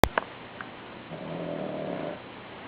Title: Jack snoring